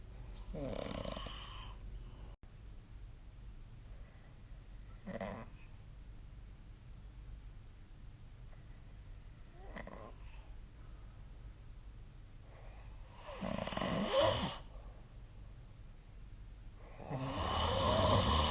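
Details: Sleep snoring recorded with the SnoreLab app: repeated rough snoring breaths, about 15 a minute, uneven in loudness, some louder and harsher toward the end.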